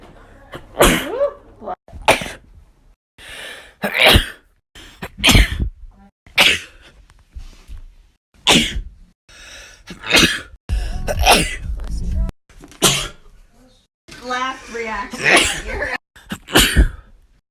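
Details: Sneeze compilation: a string of about a dozen separate sharp, explosive sneezes, some with a drawn-in breath before them.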